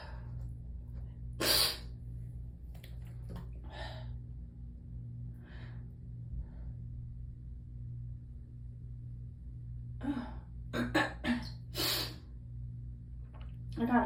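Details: Several sharp, explosive sneezes over a low steady hum, with soft breaths and gasps between them; the sneezer feels a tickle hitting the throat and hopes the sneezing won't stop.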